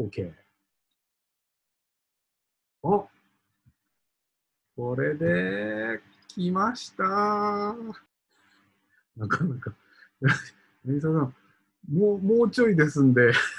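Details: Aphasia in a man who has had it for several years and is recovering.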